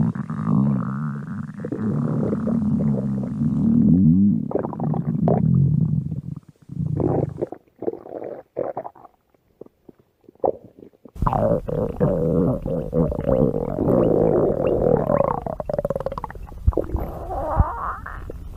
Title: 5 minute of my stomach growling #53